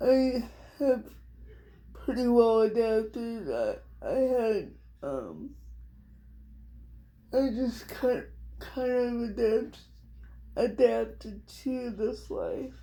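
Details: Adult female with cerebral palsy, diagnosed at 6 months old, which she thinks is level 4 or 5, affecting all parts of her body, including her hands and somewhat her speech; she also has dystonia. Dysarthria (cerebral palsy).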